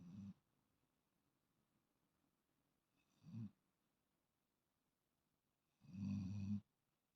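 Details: Sleeping female cat gives three low, rumbling breath sounds a few seconds apart, the last longest; ordinary snoring.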